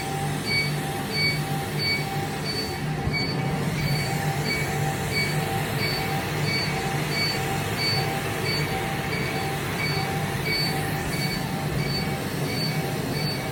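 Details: Laser hair removal treatment: steady machine hum with rapid regular beeping pulses, about ninety a minute, as the laser fires.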